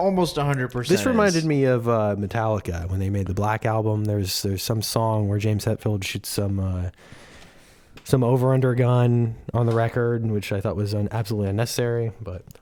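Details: Adult male speaker; Normal speech.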